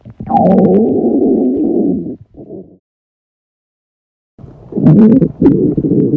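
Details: Acted reenactment of loud stomach growling from stomach pain during a class: long gurgling growls with bubbling bursts, separated by a silent gap.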